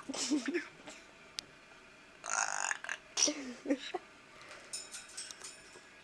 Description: Sam the burping and fating parrot